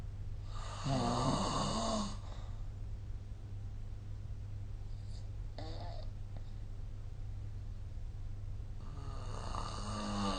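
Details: Snoring recorded with SnoreLab app: rough, fluttering inspiratory snores with long quiet gaps between and a steady low room hum.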